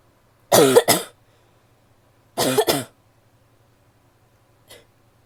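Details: Woman coughing: two separate bouts of two quick coughs each, then a faint short third sound; clear, forceful adult coughing in a quiet room.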